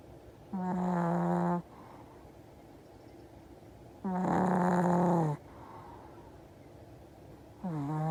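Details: A male pet Chihuahua makes loud, rattling snores with a buzzy, throaty tone roughly every three and a half seconds, separated by quiet exhalations: snoring in a small dog.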